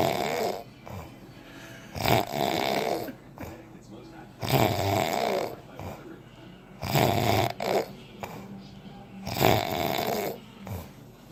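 Loud rattling snores on each breath in, about four in eleven seconds, with quieter breaths out between; ordinary snoring.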